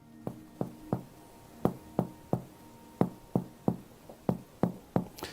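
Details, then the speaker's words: About fifteen finger-to-finger percussion taps down the left lower chest; the note shifts from lung resonance to a fuller, boxy tympany over the stomach bubble in Traube's space. "You hear how it became a much fuller, boxy sound, unlike this sound. And that represents the stomach bubble."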